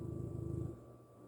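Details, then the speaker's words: Dogs sleeping: a low, fluttering snoring rumble lasting under a second, then fading into quiet room noise. "You hear them? That's all they do is snore all day."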